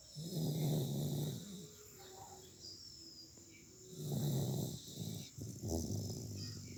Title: He is snoring 😪😪😪😪😪